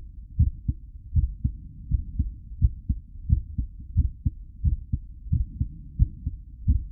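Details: Real recorded heartbeat at a medium rate, steady, regular, deep thumping lub-dub at about 85 beats a minute with no extra noises: normal heartbeat.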